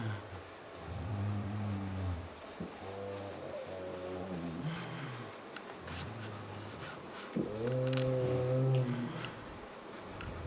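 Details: Person snoring: deep, droning, buzzing breath sounds in slow cycles, some with a rising tone; loud snoring.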